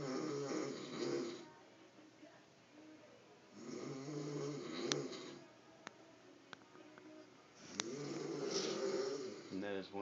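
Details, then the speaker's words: Man asleep with a cigarette in his mouth, snoring: heavy, loud, rattling snores on each breath, about 15 a minute, with faint clicks in the room; described as his worst snoring yet. "And his cell phone's laying right next to him. This is probably the worst I've ever heard him snore."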